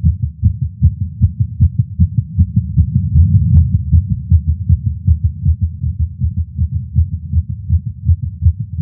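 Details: Male's heartbeat recorded with a Stemoscope stethoscope while smoking a cigar after not smoking for a while, feeling lightheaded: fast, regular, low thuds; racing heart, nicotine-related tachycardia.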